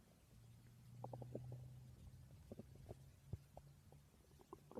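Low gurgling rumbles with irregular bubbly pops over a steady low drone; ordinary stomach growling from gas and fluid moving through the gut.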